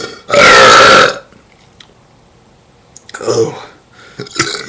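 One loud, drawn-out voiced belch lasting almost a second, followed by quiet room sound and brief vocal noises.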